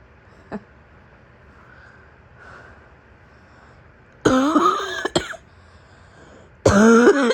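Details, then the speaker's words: Acted (simulated) morning coughing fit by a woman role-playing a sick girlfriend lying in bed: faint throat catches, then two loud, harsh, barking coughing bursts starting from a throat tickle. "Sure, you can use my chest as a pillow, but I warn you, my cough is very loud and my chest likes to shake when I start barking."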